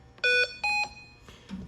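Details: Child on nasal CPAP/BiPAP via Hamilton T1 ventilator with nasal interface and bonnet: two loud high-pitched alarm tones in quick succession, high-flow warning from a large leak.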